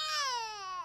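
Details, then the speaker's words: Simulated infant cry from a RealCare baby simulator doll after improper head support or rough handling during feeding/burping care: single loud, wailing cry falling in pitch. "If you didn't support baby's head properly or handle it roughly during care, baby will stop feeding or burping, and you will hear the loud cry."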